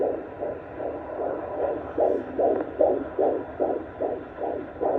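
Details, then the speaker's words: Fetal heartbeat on Doppler at a 7-month prenatal visit, first pregnancy: rapid regular whooshing about 150 beats a minute, with a little fetal movement; heartbeat described as good, normal. "Running about 150 today. Not 70. There we go. Little movement right there. So you see my baby's heartbeat is good."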